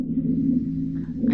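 A continuous low-pitched snoring, rumbling tone runs through the breath, with a rougher airy rise toward the end: rhonchi.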